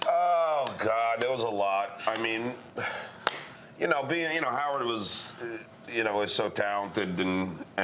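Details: Adult male comedian referred to as a stutterer; stuttering.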